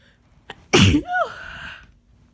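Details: Sneeze while sick during a cold: a short inward breath, then one loud explosive sneeze with a brief voiced tail.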